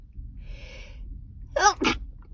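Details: Adult who says they are sick and sneezing uncontrollably, stifling sneezes: quick indrawn breath, then one forceful two-part sneeze in a quiet room.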